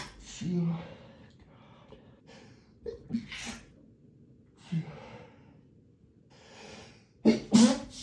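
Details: Male sneezing in a hotel room: several breathy inhalations and snorts, ending in a sharp sneeze burst, in a quiet room.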